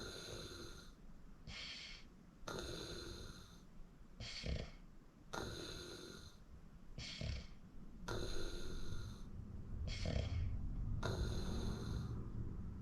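Loud, rattling snores on each breath, alternating with softer breathing sounds; steady heavy snoring during sleep.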